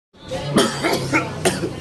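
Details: Adult on day 1 of a bad cough while sick: a short run of about four harsh coughs, with a faint steady hum behind.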